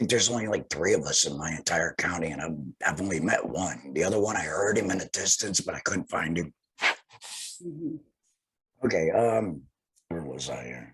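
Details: Laryngectomee speaking with a tracheoesophageal voice prosthesis (TEP); tracheoesophageal speech after laryngectomy.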